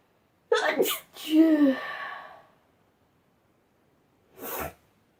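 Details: Loud sneeze with a voiced 'achoo' tail, then a softer breathy sound after a pause, from a sneezing compilation; ordinary sneezing.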